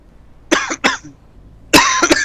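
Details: Repeated dry-sounding coughing: two pairs of short, harsh coughs close together, with faint room noise.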